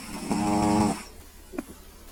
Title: CAT SNORING